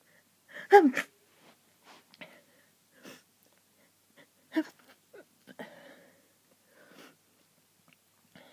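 Run of short sneezes, several stifled, with one louder sneeze near the start; hay fever sneezing fit.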